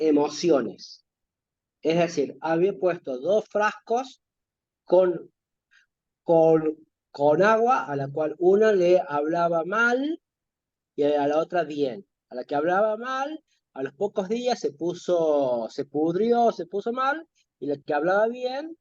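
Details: Stuttering in a man who says he stutters and links it to childhood difficulty talking with friends and parents; word repetitions; stuttering.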